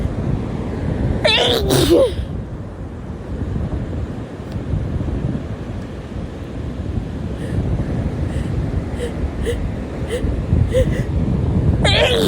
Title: sneezing at the beach (f)